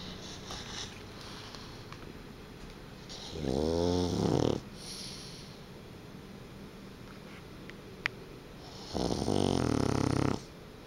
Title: イビキ犬 - snoring dog -